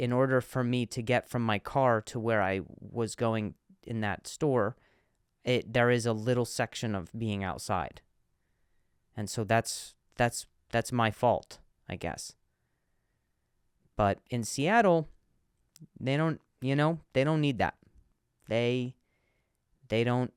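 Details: Comedian who stutters, speaking in a podcast monologue; stuttering with audible word repetitions.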